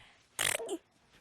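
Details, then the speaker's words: Single sharp sneeze from a 12-year-old girl with paroxysmal, machine-gun-like sneezing reported as about 12,000 times a day: a sudden hissing burst ending in a brief voiced tail. "12 year old caitlyn thornley this sound has become painfully familiar yo the girl has machine gun sneezes it sounds like some kind of an smg or something"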